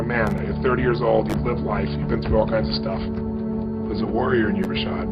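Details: Adult male speaker; normal fluent speech.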